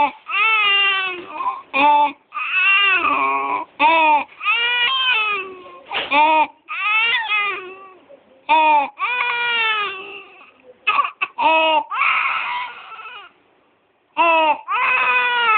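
Crying infant with harsh, high-pitched, tonal noise on breathing in between cries, consistent with stridor.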